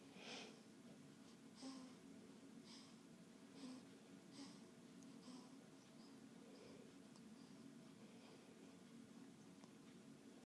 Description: Poor baby got hiccups!